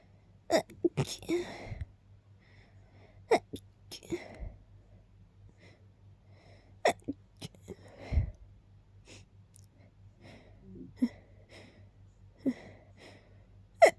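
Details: Very rapid repeated sneezing after smelling lilies kept nearby: a run of quick, sharp sneezes, some with short gasping build-ups, in a quiet room.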